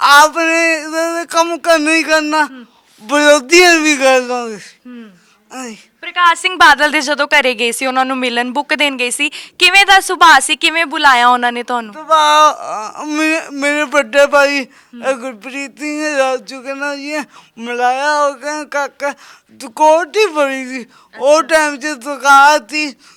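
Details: Stammering with unclear articulation in a young Sikh man with a disabled hand; the problem has been present since birth.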